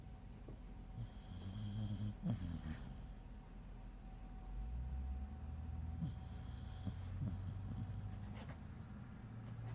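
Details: Sleeping dog snoring on New Year's Day: low, soft, irregular rumbling breaths with faint snorts over steady room noise.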